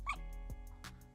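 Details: 3-day-old newborn girl with hiccups that sound like a little puppy: brief high, yelping bursts over steady background tones.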